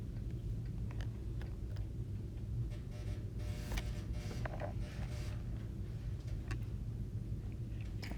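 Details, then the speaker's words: A teacher's stomach growls while recording a trigonometry lecture: low rumbling and gurgling with brief squeaky whines over room noise, ordinary stomach growling (borborygmi). "my stomach is growling so like this is catching my stomach growling that noise i don't this is just a weird day"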